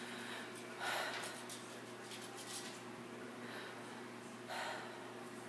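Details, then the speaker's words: Normal breath sounds on stethoscope auscultation of the lung fields during a physical assessment, with the patient breathing in and out deeply: soft, airy breaths over room hum, clear and symmetric, with no crackles. "Go ahead. Go ahead. Nice and clear. Symmetric. Okay. Excellent."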